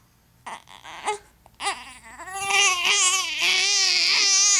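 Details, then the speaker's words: Baby who has had hiccups all day fusses with short sobs, then breaks into a sustained, rising cry over soft music; no distinct hiccups heard. Infant cry. "Hiccup and cry oh I wouldn't like this either it's just no fun daddy gave you those hiccups"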